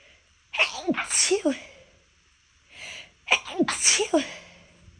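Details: Deliberately held-back sneezes that fail: two stifled sneezes, each a short gasping intake followed by a muffled burst, then a relieved exhale.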